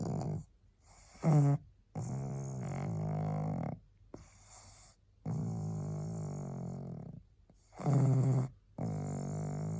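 Loud, rattling, throaty snores from a small flat-faced dog, coming in regular breath cycles with quiet pauses between them.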